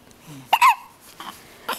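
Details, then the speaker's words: Baby lying down on a Wednesday morning: short, abrupt vocal catches with soft fussing between them in a quiet room; infant hiccups. "here's laying here on wednesday morning he has the hiccups"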